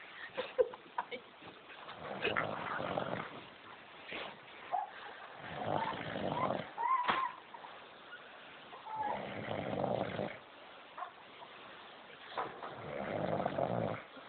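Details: Rough, noisy breathing sounds recurring about every three and a half seconds, roughly 17 breaths a minute; snoring.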